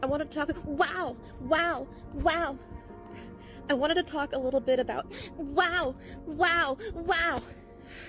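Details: Feigned vocal tics: repeated vocal outbursts by a female TikToker who claimed Tourette syndrome since age six to seven. Evidence suggests the tics were faked for clout, and her sister says she showed no symptoms as a child.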